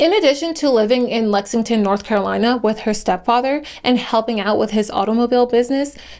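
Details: Adult female narrator; Normal speech.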